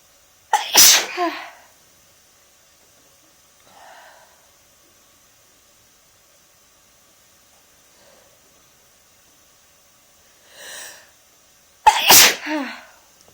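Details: Two loud forceful sneezes about eleven seconds apart, deliberately produced, with soft breaths and noises between; normal sneeze reflex.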